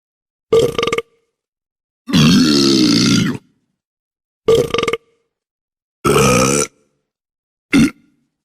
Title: Burping Sound (Geğirme sesi)